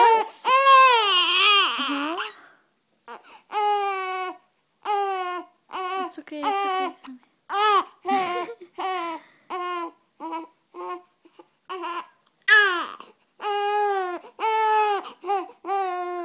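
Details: Young infant, annoyed by hiccups, fussing with high-pitched cries in short bursts separated by brief pauses.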